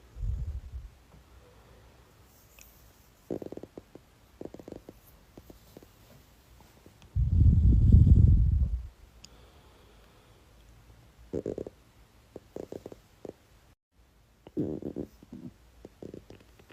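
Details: Woman's stomach growling: low belly gurgles and rumbles with one long loud growl midway; ordinary bowel sounds (borborygmi).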